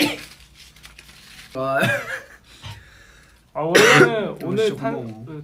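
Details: Short cough and throat clearing from a man amid talking in a quiet room.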